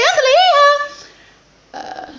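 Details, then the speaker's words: Sudden high-pitched, yelp-like vocal tic with swooping pitch, then a brief noisy burst, from a hospitalized person with Tourette syndrome who describes complex tics involving phrases and words. "these are what they call them complex tics they're like your phrasing and your words"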